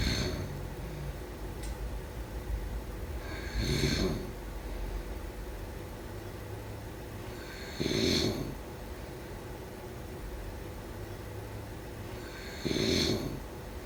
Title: Snoring sound … #4